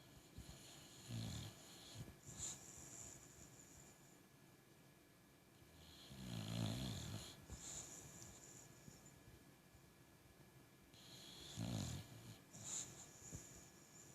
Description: My boxer dog is snoring and dreaming. Maybe chasing something?